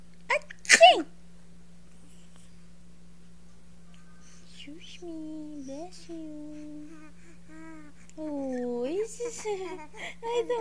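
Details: Child sneezing once sharply, followed by high vocal sounds and laughter; ordinary sneeze.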